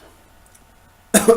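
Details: Quiet pause, then one abrupt, forceful cough at the very end, during a mushroom eating challenge.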